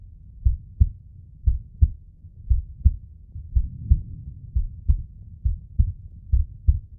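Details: Regular paired lub-dub heartbeats at about 60 a minute, with normal first and second heart sounds, shown in slow motion.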